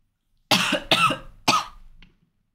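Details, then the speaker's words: Adult livestreamer's cough: three loud, harsh bursts in quick succession in a quiet room. "oh I'm so sorry if that sounded really awful and loud"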